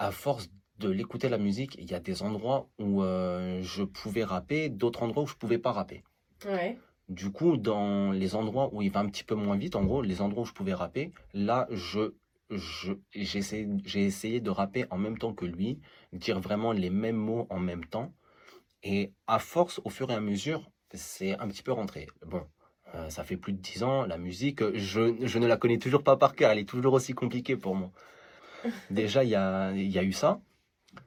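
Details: Adult male stuttering since age 14 (July 2012) after an emotional shock, also stuttered as a younger child and saw a speech therapist; self-described rather mild, masked stutter with blocks notably on S and C syllables, phrase repeated; stuttering (mild).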